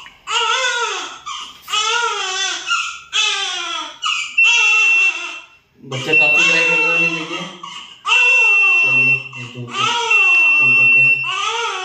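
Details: Newborn in NICU care, previously tube-fed, now being fed milk: repeated rhythmic crying bursts about one every two seconds, steady beeping monitor tone in background; newborn cry.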